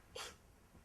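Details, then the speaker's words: A single short, light sneeze burst, acted for a comedy news sketch about sneezing. "a thing for sneezing amazing so we thought we'd look at a few different sneezes to see if we could figure out where the joy is"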